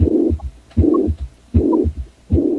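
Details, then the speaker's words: Infective endocarditis damaging the left-sided mitral and aortic valves and impairing pumping: rhythmic heart sounds with a swishing murmur filling each beat. Heart murmur. "eventually clogging the velvet-- doors in the heart which impairs the pumping action this impaired pumping can be heard in a weird little swishing heart sound that sounds a lot like this"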